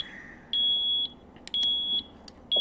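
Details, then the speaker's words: ZOLL ventilator in a mechanical ventilation training demonstration for non-intensivists: repeated half-second high-pitched electronic alarm tones over quiet room noise, a high tidal volume alarm triggered because the upper limit was set too low. "me ofrece una alarma en flor bom y me dicen las posibilidades que puede tornar nos darnos en este caso es el superior que yo lo he colocado demasiado bajo"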